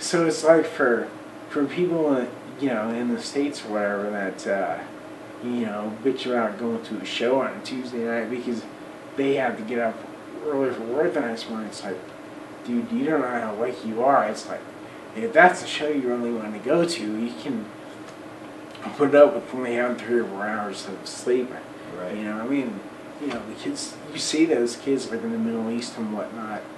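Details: Adult man almost 40 with Friedreich's ataxia, a recessively inherited, progressive, degenerative neuromuscular disorder with childhood onset; uses a wheelchair; ataxic dysarthria.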